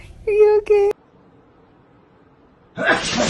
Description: From cat to tiger to you and me - we all sneeze from time to time.